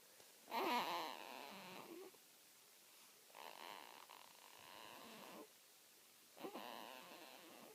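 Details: Newborn aged 3 weeks and 2 days making strange noises in her sleep: soft grunting, snore-like sounds in three separate bursts, noisy newborn sleep breathing.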